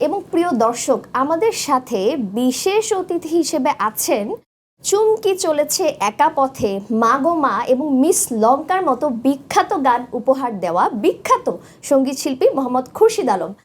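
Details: Adult woman; Ordinary speech.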